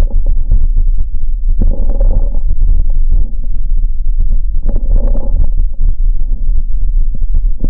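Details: Lung sounds recorded clinically through a stethoscope, with many short popping clicks over the breaths: crackles.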